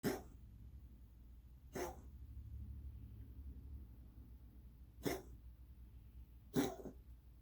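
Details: Cat with a weird cough lasting months, not a hairball per owner: four short, sharp, dry coughs spaced a few seconds apart in a quiet room.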